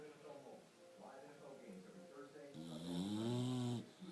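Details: English Bulldog snoring very loudly: soft noisy breathing, then a loud, drawn-out rattling snore on the in-breath.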